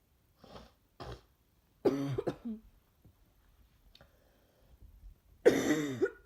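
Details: Coughing from an ill adult woman whose throat hurts after inducing sneezes all week: a few soft breathy puffs, then a harsh double cough with throat clearing and a final loud cough.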